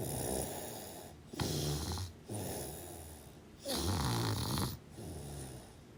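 Repeated rough, rattling snores during sleep, some louder than others, at roughly two-second spacing with quieter breaths between. Ordinary snoring.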